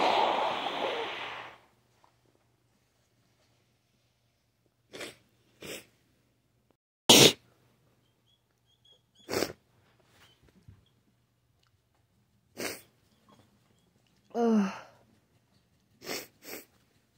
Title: Still sick and sneezy.